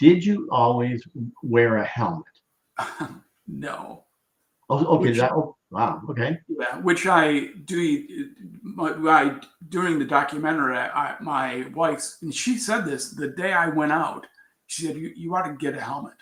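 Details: Aphasia in an adult man after a traumatic brain injury from a bicycle accident about four years earlier, with coma; trouble with words, still recovering.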